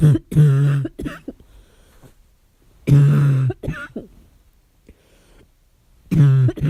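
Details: Child with a barking cough at night: three harsh, hoarse, seal-like coughs spaced a few seconds apart in a quiet room.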